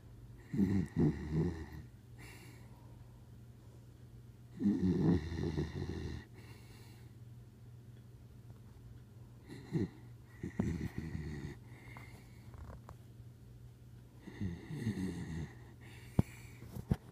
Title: Snoring